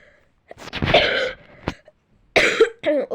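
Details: Two harsh coughs about a second apart with a short throat clearing between, in a quiet room, from a girl who says she is ill; cough.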